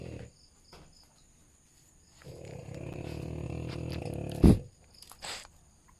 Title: Deep Sleep #frenchie #snoring